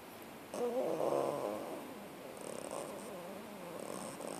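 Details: Sleeping puppy lying on the lounge on a lazy afternoon, with soft, fluttering nasal snoring sounds; snoring.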